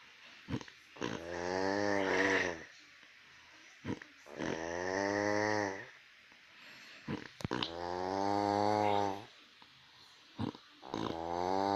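Loud, rattling snores on each breath in, about four over twelve seconds, with quiet breaths out between them; heavy snoring.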